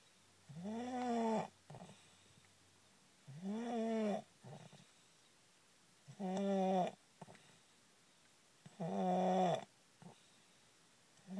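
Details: Loud snoring while asleep in a car: regular voiced snores with short exhale snorts, about 22 breaths a minute, in a quiet space.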